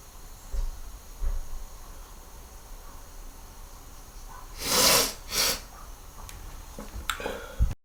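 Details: Two forceful, hissing nasal bursts in quick succession over faint room noise, from a recording of let-out and stifled sneezes; snorting.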